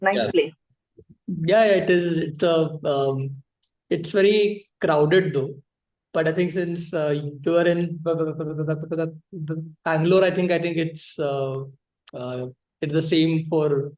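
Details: Male adult audience participant who stutters, speaking naturally during a podcast Q&A; stuttering.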